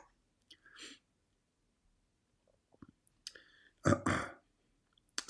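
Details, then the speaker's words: Adult with fluid not yet fully cleared gives a short run of rough, throaty coughs, preceded by a couple of softer throat sounds. "still my fluid is not totally gone. You can hear my cough, right?"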